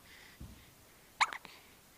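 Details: Baby with hiccups, possibly at mealtime: a soft catch of breath, then a brief sharp hiccup with a small trailing sound in a quiet room; infant hiccups.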